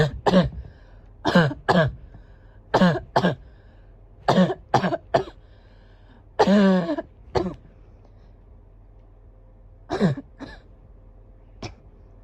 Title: Barking cough *1